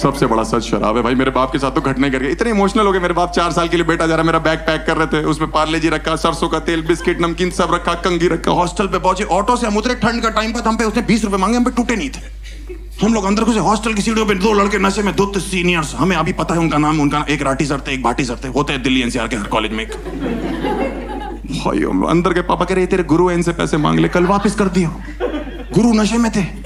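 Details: Adult male speaker, stand-up comedy monologue; ordinary fluent speech.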